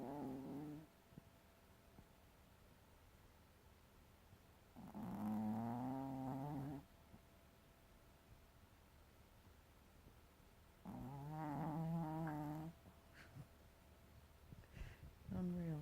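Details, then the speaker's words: Teacup Maltese dog in deep sleep snoring loudly, like a human, all night: slow, rattling snores of about two seconds each, with quiet pauses between; ordinary snoring. "The noise that you hear is coming from the dog. To say her name. This is Darla snoring. She snores just like a human."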